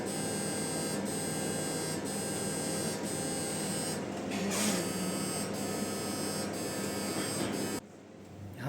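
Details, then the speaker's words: Knee MRI scan: a localizer sequence, taking about 10–15 seconds, gives a steady loud buzzing hum with regular rapid knocking pulses that stops abruptly; normal MRI scanner noise. "यह जो image है अगर यह clear नहीं आती है तो हम लोकलाइजर को रिपीट कर देते हैं वह थोड़ा सा टाइम लगता है 10 सेकंड 15 सेकंड"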